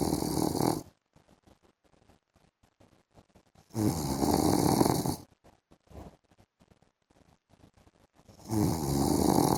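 Three loud, rough snores on the in-breath, roughly four seconds apart, with near silence between. Ordinary snoring during sleep.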